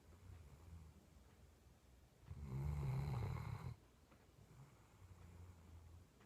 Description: My sleepy dog Sophie after a long day of starring at the ground. Watch the whole video to see how loud her snore gets!